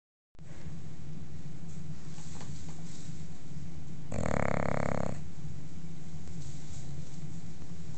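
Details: Sleeping female bulldog snoring: continuous low rumbling snore with one louder snorting surge.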